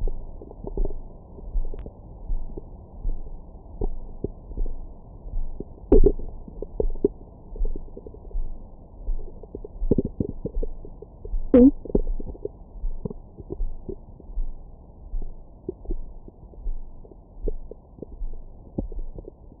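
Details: Stomach growling recorded over the belly with a Stemoscope stethoscope microphone after a large meal: low, soft gurgles and rumbles with occasional squeaky pops; active bowel sounds.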